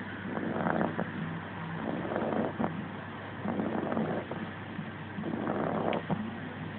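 Soft, rough breathing noises repeat irregularly over a steady low background hum, fitting a puppy snoring in sleep.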